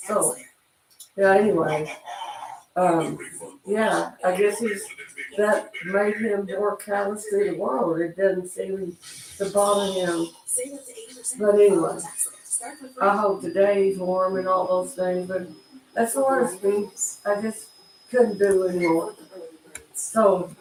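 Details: Adult man with cerebral palsy, dysarthric speech during casual live-stream chat.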